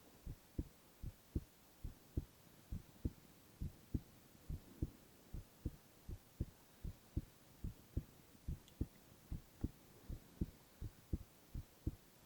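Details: Young male's heart sounds: steady, regular heartbeat at about 70 a minute with clear paired lub-dub sounds and no extra noises. Normal heart sounds.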